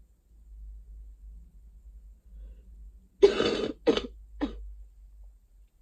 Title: summer cold coughing